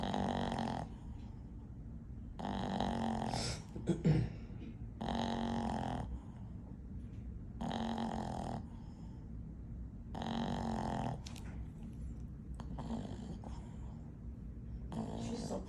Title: Jenna snoring #bostonterrier #bostonterriersociety #bestdogever #bostonpuppies